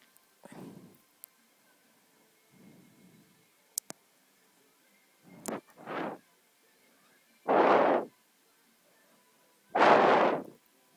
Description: Pretty gross hiccups I ws breathing on the camera lol sorry